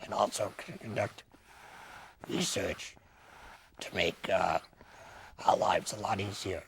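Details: Laryngectomee speaking with a tracheoesophageal puncture voice prosthesis; tracheoesophageal speech.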